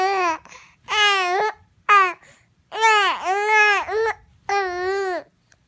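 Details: Upset baby with hiccups crying and babbling: a series of fussy, complaining infant cries with brief catches between them.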